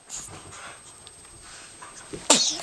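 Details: Infant sneezing: quiet rustling, then one sudden sharp, hissy burst near the end; a single baby sneeze.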